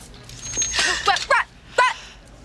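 Several sudden, brief yelping and barking vocal noises over low room noise; acted simple vocal tics of Tourette syndrome.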